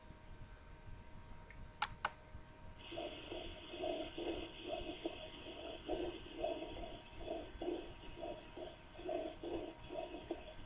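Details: Patient whispering "33" (treinta y tres) at the chest wall. Through the stethoscope it comes across as soft, muffled bursts with no clear words, as expected with normal whispered voice transmission.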